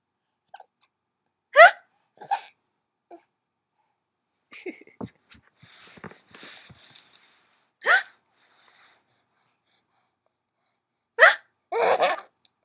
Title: Hiccups are funny!